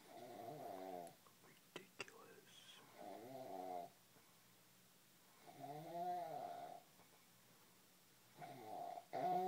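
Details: Mark snores: four loud, buzzing, tonal snores about every two to three seconds, with quiet pauses between them in a small room; snoring.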